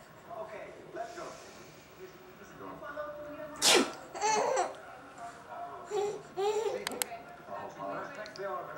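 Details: An infant boy sneezes with a sharp burst of breath, then babbling and laughter nearby; the sneezing, possibly fake, was found funny.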